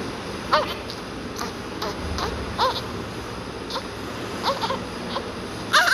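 Brief, intermittent soft newborn cries and whimpers over steady room noise; a healthy newborn's cry.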